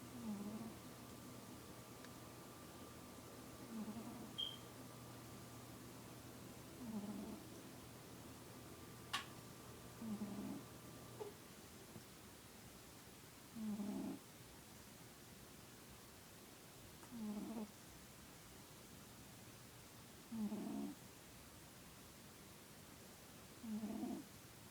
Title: Cute cat snoring